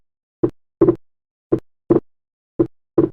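Slow heart sounds, about 55 a minute, with a clearly doubled second sound: wide S2 splitting from right bundle branch block.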